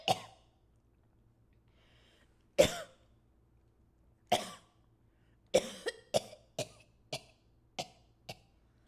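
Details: A female streamer gives a run of about ten sharp, dry coughs, spaced out at first, then a quicker cluster, during a live stream; cough.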